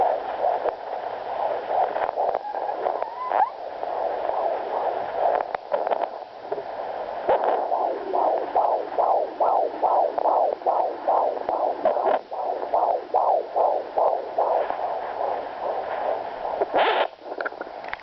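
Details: Home rented fetal Doppler used after a couple of days of too few fetal kicks: fast, rhythmic whooshing fetal heartbeat pulses, about 140 a minute, heard loud and clear.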